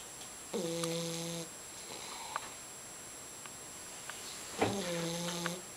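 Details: Snoring in a dark room: two drawn-out, buzzing, voiced snore sounds about four seconds apart in a quiet room with a steady high hum.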